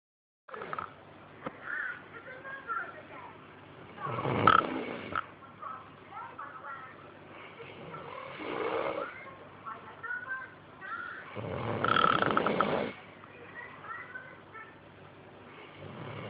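Rough, rattling snores on the in-breath, every few seconds, with quieter breathing between them; ordinary snoring.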